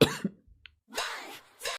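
A few short coughs from a child, with a brief pause between bursts.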